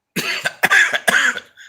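Three quick, harsh, partly voiced coughs in a row from an adult man, in a short bout; a cough attributed to acid reflux.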